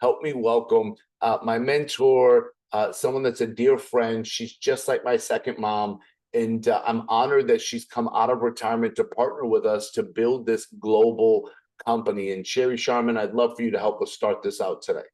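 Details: Adult male speaker; normal voice.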